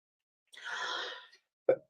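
A rough, breathy throat clear followed by a single short cough from an adult; an ordinary, incidental sound.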